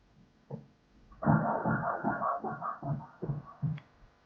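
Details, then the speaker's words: Fetal heartbeat on Doppler at 29 weeks 1 day (by dates; 30 weeks 1 day by measurements), cephalic presentation, slightly low amniotic fluid. Rapid rhythmic whooshing pulses at about 140 per minute, a normal rate. "qayzimiz bo'yicha 29 hafta birlik yurak yurishlarini eshitamiz"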